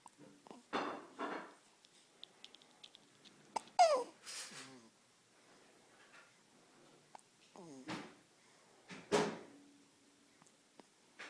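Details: Infant boy with morning hiccups: short, abrupt catching sounds at irregular intervals.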